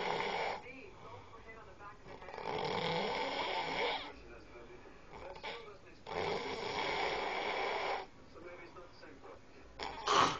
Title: Snoring #2